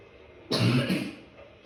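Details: A single harsh cough of about half a second with a throat-clearing quality, from a person who says they are sick.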